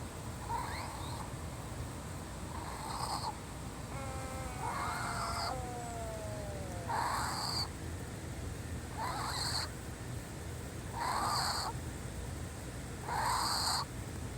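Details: Cat named GG wheezing: noisy, rasping breaths repeat about 29 times a minute, fitting wheezing from narrowed airways.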